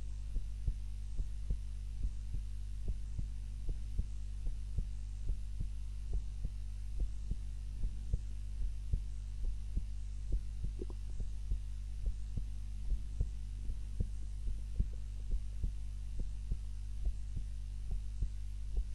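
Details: Soft, regular heartbeats at about 72 a minute over a steady low hum; own heart recorded by timer during a daytime nap, lying on the back (supine) rather than the usual prone position; normal resting heart sounds.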